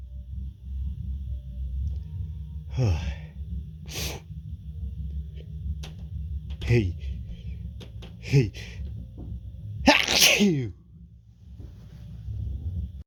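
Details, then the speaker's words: Repeated build-up sneezes after a tickle: several sneezes, each preceded by a rising, gasping build-up, ending in a louder final sneeze; steady low hum in the background. "I feel a tickle. I think of a sneeze. Achoo! Oh. Achoo! Oh. Oh, that felt good. Oh, sneeze again."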